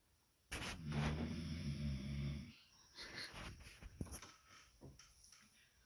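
A long, low, rumbling snore on breathing in, then softer snuffling breaths; ordinary snoring in a quiet room.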